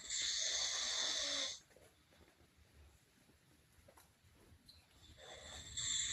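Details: A person snoring during sleep: a loud, hissing, rough breath sound, then a quiet pause, then the next noisy breath beginning.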